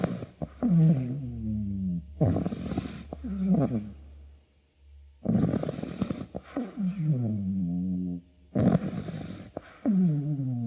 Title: snoring dog | #dogs #chihuahua #doggielife #pets #chihuahuafanclub